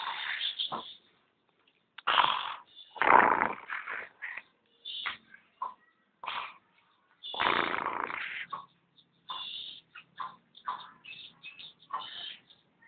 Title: Kucing lagi tidur plus ngorok...